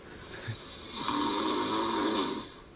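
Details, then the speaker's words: A single long, harsh, hissing snore from a sleeping adult man with obstructive sleep apnoea, in which the airway becomes blocked and breathing stops and starts during sleep. "apnea is a disorder in which breathing stops and starts during sleep the airway becomes blocked sufferers often wake up Suddenly loud snoring is a classic symptom"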